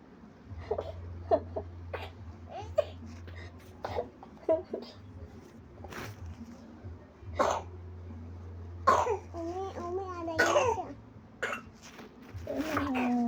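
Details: Young child coughing repeatedly with short coughs, throat sounds and fussy vocalizations, also reported to be vomiting while ill; steady low hum in background.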